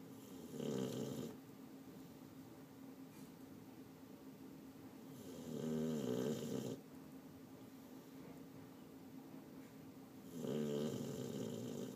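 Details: Snoring from someone sleeping soundly ("out cold"): three loud, rough snores on inhaling, about five per minute, with steady low room noise between; ordinary snoring.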